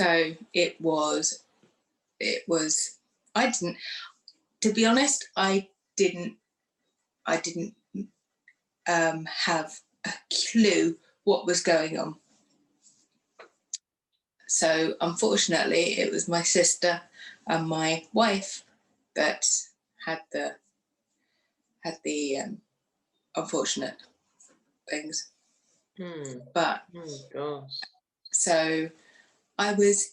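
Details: Woman who had a stroke two days after a hysterectomy in 2018, aged 44, lost her speech afterwards, and now lives with post-stroke aphasia.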